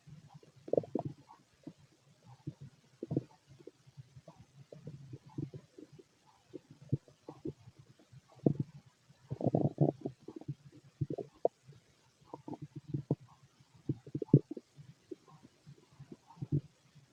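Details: Male abdomen during ordinary digestion: frequent, irregular, continuous gurgling and bubbling rumbles of stomach growling; bowel sounds (borborygmi).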